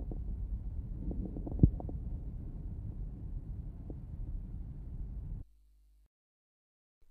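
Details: Late inspiratory fine crackles.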